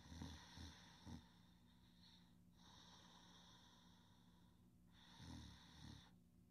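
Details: Soft snoring during sleep: low, fluttering snore bursts at the start and end, with a high, steady room hum between them.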